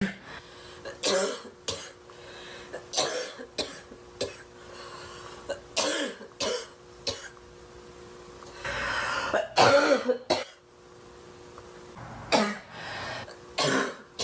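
An adult woman has a fit of about a dozen harsh, forceful coughs with short gaps and throat clearing.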